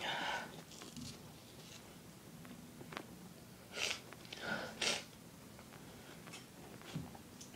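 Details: Series of short, stifled sneezes, about three in five seconds, with sniffing between, from a very tickly, irritated nose; repeated sneezing.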